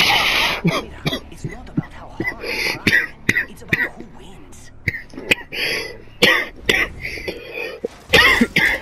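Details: An adult coughs several times after choking while playing a video game, with loud gunfire and speech in the background.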